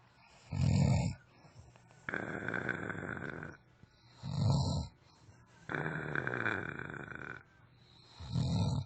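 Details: A sleeping friend snoring: low rumbling snores on inhalation alternate with long, noisy, rasping breaths out, roughly 16 cycles a minute. Ordinary heavy snoring during sleep.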